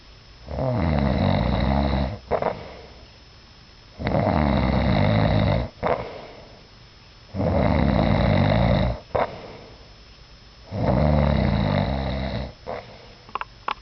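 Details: Sleeper's habitual snore with a new "wet explosion" part: loud, rumbling, wet-sounding snores, four in about 14 seconds, each over a second long with quiet pauses between, snoring.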